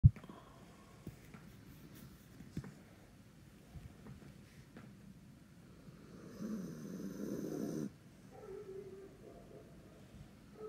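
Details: Quiet sleeping breaths, then one loud, rough, rattling snoring breath followed by a softer snore; snoring.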